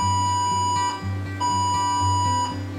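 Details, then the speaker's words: BellAction Duo facial and body remodelling device training: three electronic beeps over a steady low hum signalling the treatment has finished. "estos tres pitidos nos indican que el tratamiento ha finalizado en el mar en pantalla nos lo marca simplemente tocaremos aceptar y volvemos al inicio del programa"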